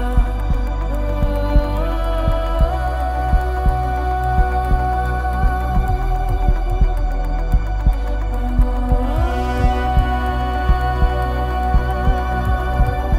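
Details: Heartbeat sound effect within an epic music mix: regular low thumps about 57 a minute under sustained ambient music; slow heartbeat rhythm.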